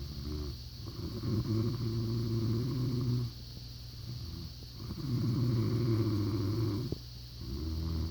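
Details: Loud snoring: deep, buzzing, rumbling snores in long cycles about every three and a half seconds, with steady background hiss.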